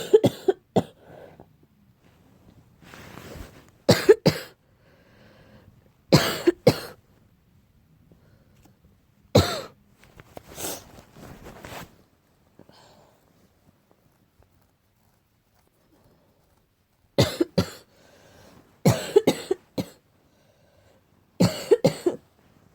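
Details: Harsh, dry cough bursts in short clusters, a barking cough attributed to cat allergy.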